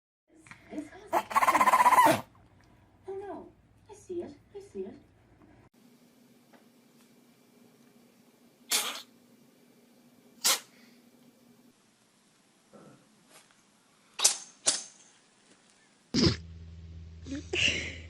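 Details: Several short, sharp sneezes from pet cats and dogs, separated by quiet pauses, with brief voices and room hum.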